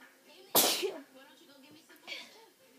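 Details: A single sharp, loud sneeze with brief quiet voice sounds around it; sneeze.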